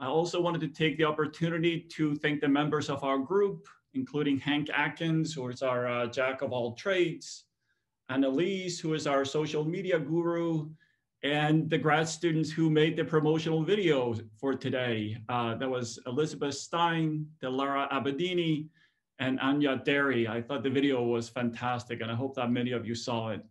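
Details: Adult man speaking; normal speech.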